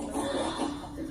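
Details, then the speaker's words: Infant with tracheomalacia, a narrowed, collapsing airway, gives a brief, harsh, grunting noisy breath: stridor showing difficulty with air movement. "So if you can hear that there's difficulty with air movement, obviously, you know there's something going on in the airway"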